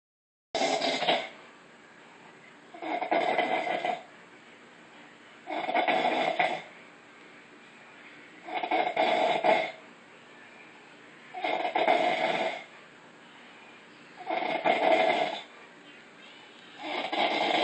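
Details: An adult woman snoring: regular rasping snores, each about a second long, roughly 22 a minute, with quiet pauses between; steady snoring.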